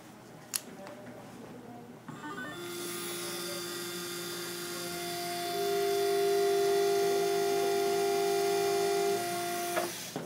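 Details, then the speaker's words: Spade marking drill marking the bone site for a 3.75 × 13 mm MIS C1 dental implant, as the first step of placement; steady whining drill motor rising slightly in pitch, with faint background music. "first I would want to mark the site using either our Spade marking drill or regular marking drill I'm going to use the Spade marking drill"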